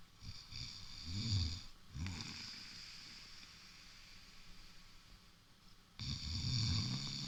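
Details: Loud, rough snores with a whistling hiss between them, recurring irregularly during sleep; snoring.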